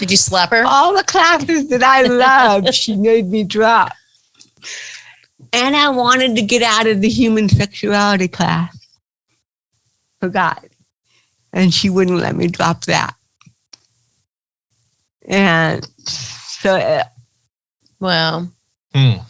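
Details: Adult woman comedian with cerebral palsy, real (not acted), retelling her first stand-up comedy routine; dysarthria (cerebral palsy).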